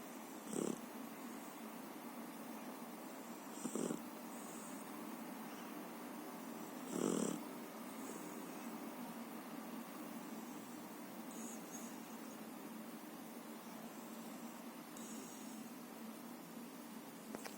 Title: JAPANESE DOG SNORING LOUDLY/SLEEPING DOG/CUTE AND FUNNY DOG